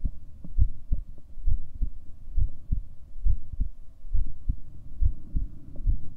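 Regular, low, dull thumps at about 67 beats a minute over a faint hum; a steady heartbeat.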